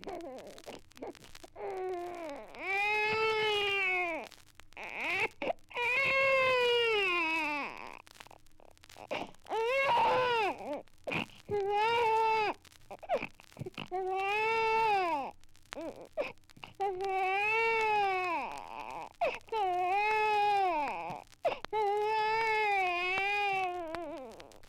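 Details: Archival 78 rpm record: an infant cries in repeated loud, wailing bursts separated by brief gasping breaths, an irritated cry, as if rudely awakened, force-fed or frightened.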